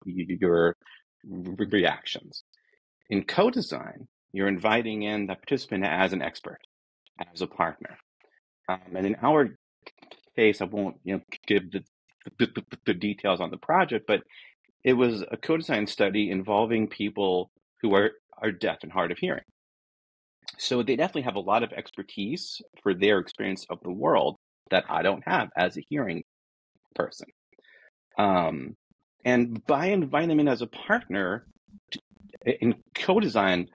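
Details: Adult man who states he is a person who stutters, natural speech and not a recording glitch; repeated words are heard; stuttering.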